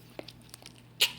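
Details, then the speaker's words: Sick Basenji puppy: a single short, sharp cough after a few faint clicks, over a low room hum. "baby got a cough in my face Lil God cover your mouth your mouth"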